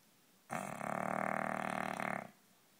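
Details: English bulldog snoring loudly: a single loud, rough, rattling snort lasting about two seconds.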